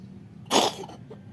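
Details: Cat with a cold coughing, a single short harsh cough burst over a low background hum; cough.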